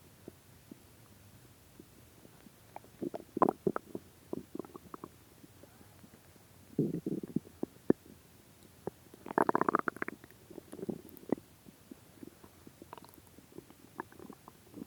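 Scattered gurgles and a few longer low rumbling growls from the belly over a quiet background; ordinary hunger-related bowel sounds.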